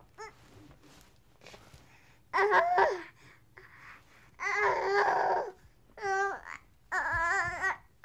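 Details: Angry baby crying sound effect: quiet fussing, then four loud wailing cry bursts, an ordinary angry or hungry infant cry.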